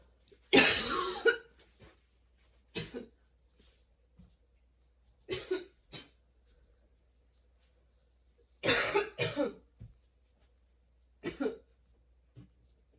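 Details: Sudden-onset nonstop coughing fit that kept worsening, bringing tears and repeated position changes for comfort: about eight harsh cough bursts, some in quick pairs, short gaps between; prolonged coughing fit.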